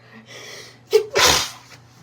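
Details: A quick inward breath and catch, then one sharp, hissing burst while reading a book aloud; a single sneeze.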